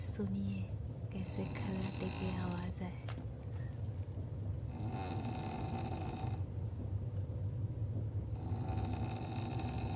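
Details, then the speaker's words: Loud, low, rattling snores recurring over steady train rumble at about 11 pm, each lasting about two seconds; heavy snoring of someone sleeping during a train journey. "हुआ है यह सुनकर है अपना खर्राटे की आवाज में हुआ है व्यस्त खर्राटे की आवाज"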